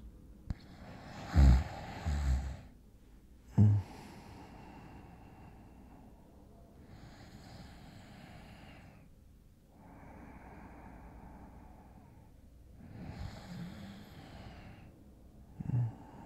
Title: ASMR: falling asleep next to your boyfriend (sleep sounds) (light snores)